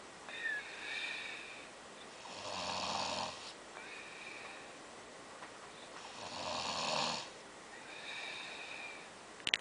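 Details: Snoring: rhythmic rasping snores on each breath, about 15 a minute, with softer whistling sounds between them.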